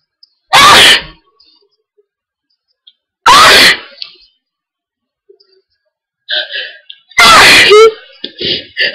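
Three very loud explosive sneezes a few seconds apart with brief vocal sounds between them: a bout of repeated sneezing, as with hay fever.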